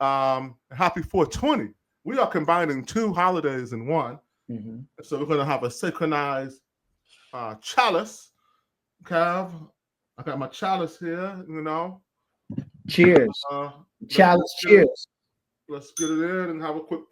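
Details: Real adult man who is deaf and cannot hear his own enunciation, with a speech impediment caused by his deafness; deaf speech.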